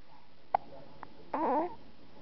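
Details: Hiccups in a 4-week-old.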